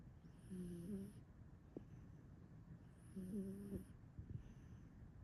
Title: Crazy cat snores like his daddy! #crazycat #snoring #enzo #sleepycat #snore